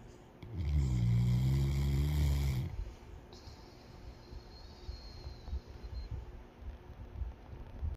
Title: snores as loud as I do 😆